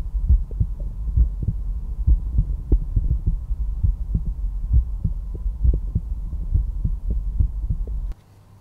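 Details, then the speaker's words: Normal heart sounds heard by stethoscope over the tricuspid area, fourth intercostal space left of the sternal border, in a live demonstration on a real heart at rest; regular low lub-dub at about 67 beats a minute. "nd the pulmonary valve control the blood flow from the ventricles to the rest of the body and when they contract they create the second heart sound that we hear the dub dub dub dub dub"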